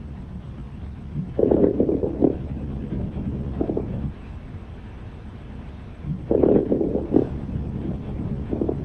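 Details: Fine crackles on lung auscultation through a stethoscope: soft, broken-up crackling bursts during inspiration.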